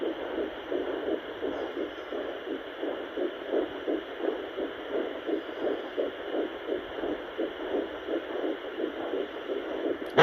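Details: Fetal heartbeat in a third pregnancy picked up by a home Doppler: rapid, regular whooshing pulses over steady Doppler hiss.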